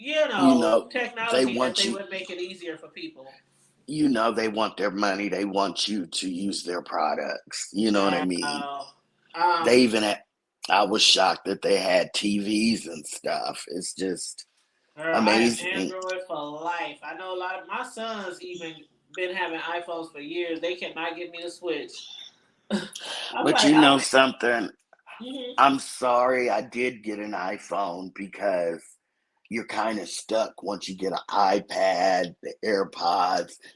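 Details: Adult woman whose vocal cord was accidentally touched during thyroid removal surgery, hoarse altered voice, expects recovery in a couple of months; dysphonia after thyroid surgery.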